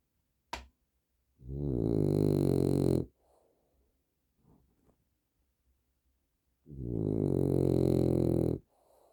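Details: Female dog asleep and exhausted, said to snore a lot: two long, loud, rumbling snores on the in-breath, about five seconds apart, with quiet breathing between: heavy snoring.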